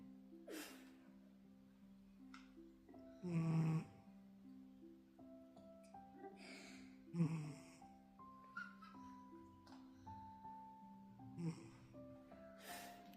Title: My cat snores as if he is working so hard💤💤💤😹#funny#youtubeshorts